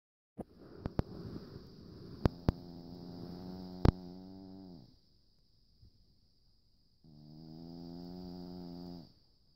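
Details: Snoring: long rattling snores while breathing in, with a few sharp clicks and a steady high background tone; snoring.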